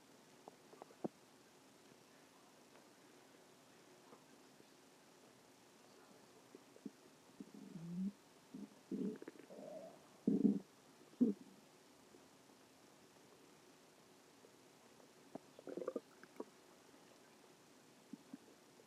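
Quiet room with a few soft, irregular gurgling rumbles from the abdomen; ordinary stomach growling.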